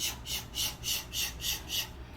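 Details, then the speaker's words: During pregnancy auscultation, a demonstrator imitates the fast, rhythmic whooshing of a placental or umbilical cord souffle, which pulses at a higher rate than a maternal vessel, like the fetal heart (110–160): a placental souffle. "o segundo barulho que você pode ouvir é barulho da placenta da placenta ou do cordão o cordão umbilical"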